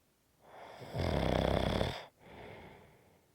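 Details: Loud rattling inward snore followed by a softer breath out, one full snoring breath in an adult sleeper.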